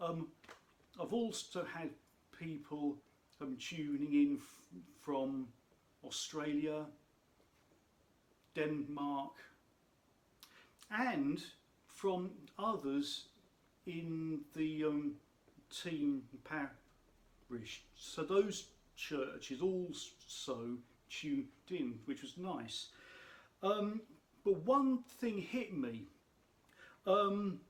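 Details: Adult speaker who states he has a stammer; stuttering.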